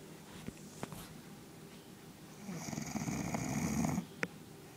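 One rough, rattling snoring breath lasting about a second and a half, with faint room noise and a few clicks. Snoring in a dog.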